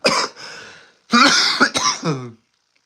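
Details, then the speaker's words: Adult ill with a common cold, coughing and wheezing while talking on a stream: a single sharp cough with a trailing breath, then a short run of two or three throat-clearing coughs. "I'm sorry if you hear me coughing or wheezing or whatever but yeah man I'm just I'm still I'm still sick"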